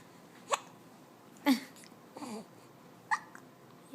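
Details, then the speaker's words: Hiccups in a 2-month-old infant after laughing too much: three to four abrupt, brief gulping catches over a few seconds in a quiet room. "laughing too much and now you have the hiccups."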